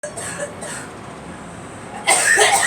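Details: Girl coughing: quiet room noise, then one loud, harsh cough burst from a child at the end.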